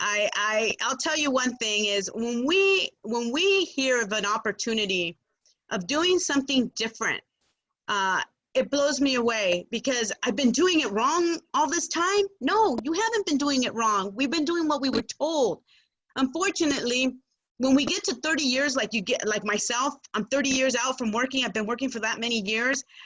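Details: Adult woman speaking; Typical speech.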